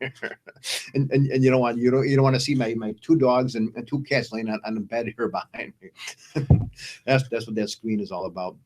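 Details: Adult man speaking; conversational speech.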